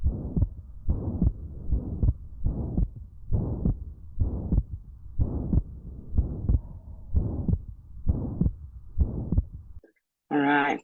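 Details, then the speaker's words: Pansystolic (holosystolic) murmur: regular heartbeat about 65 a minute, long blowing murmur filling each systole, S1 and S2 softened by the murmur. "listen to how it's different from the holos systolic or the Pan systolic murmur that murmur you can the S1 and S2 are almost softer because the mermaid takes precedence over everything"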